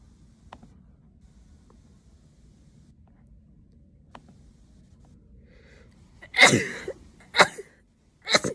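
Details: Compilation of one person's rapid sneezes, after they describe nose pain and an urge to sneeze: a quiet room, then three sharp, explosive sneezes in quick succession.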